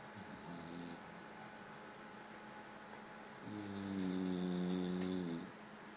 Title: FATTEST BULLDOG SLEEPING AND SNORING